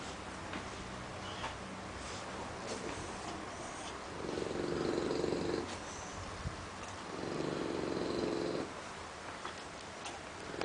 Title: Max Snoring - English Bulldog .MPG